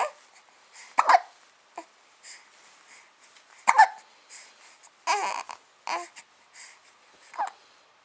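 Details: Brief, abrupt gasping catches recurring irregularly, about 20 a minute, in a quiet room: hiccups.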